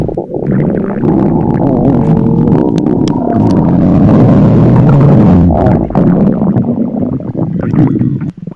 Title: Rogers Listening To LOUD And Hungry Stomach Growls @StingyNewBrunswickHPT